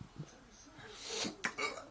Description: My mate had a fit of the hiccups but sounds like hes going to be sick every time.